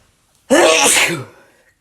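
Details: Male: one loud, wet, explosive sneeze with a sharp burst of air that trails off; sneezing.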